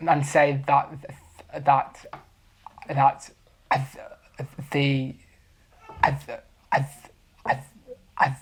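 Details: 23-year-old man who has stammered since he learned to talk, with blocks especially on p, b and t sounds; stammering.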